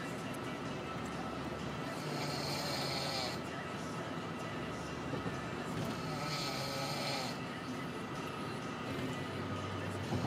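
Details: Snoring: two slow, rough, noisy breathing intakes over about ten seconds against steady background noise.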